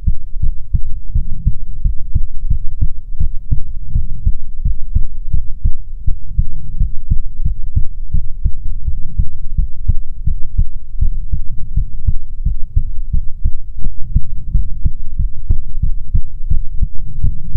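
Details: ASMR heartbeat recording: loud, muffled low heartbeat thumping with soft clicks over it; the rhythm is hard to pick out clearly.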